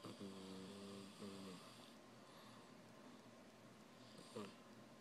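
Soft buzzing, tonal snores from a sleeping cat, two close together then one more, over steady room hiss.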